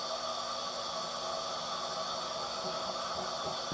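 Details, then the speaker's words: Steady, loud rushing hiss of heated, humidified gas from a high-flow nasal cannula setup with an oxygen blender on a 50 psi oxygen source, before the patient interface is attached. "So at any given point, if you turn up your flow on your patient, you want to make sure you dial this oxygen knob to ensure you're giving target or achieved amount of fraction of inspired oxygen."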